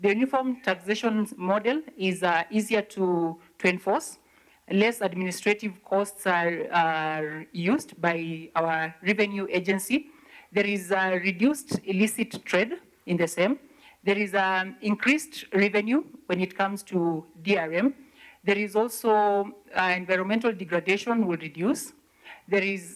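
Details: Adult speaker, likely a woman; ordinary speech.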